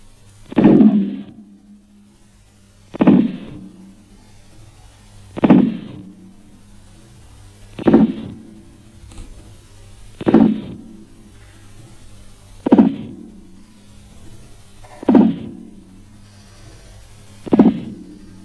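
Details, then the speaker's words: Korotkoff sounds on a blood pressure training simulator arm during manual measurement as the cuff deflates: eight slow, regular tapping beats that gradually soften; phase 1 marks systolic pressure, phase 5 (silence) marks diastolic. "fase 1 el primer ruido al desinflar el manguito de la tensión nos indica la presión arterial sistólica la fase 2 el ruido pierde intensidad escuchándose un soplo fase 3 se escucha un ruido suave"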